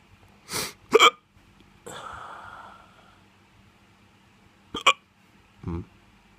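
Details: Drunk hiccups: several sudden hiccups, some in quick pairs, between soft breathy sighs.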